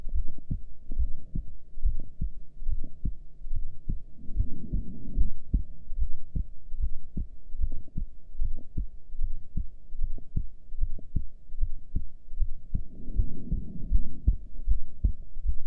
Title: Heartbeat while breath hold (with heart rate display)